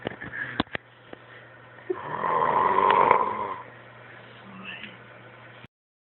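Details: A single rumbling snore of about two seconds from a sleeping dog, preceded by clicks and handling noise.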